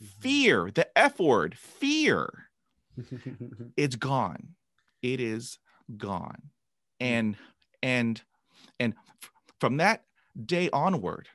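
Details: Adult man who began stuttering after a traumatic dog attack at age 5, with 20 years of speech therapy; stuttering.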